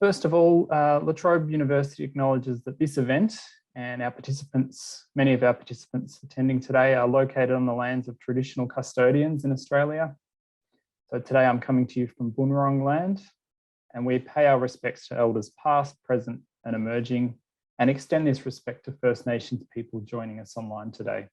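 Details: Adult male speaker; typical speech.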